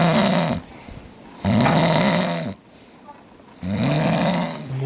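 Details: Heavy snoring, described as a snoring concert: loud, rattling snores in a steady rhythm, three within about five seconds, with quiet pauses between them.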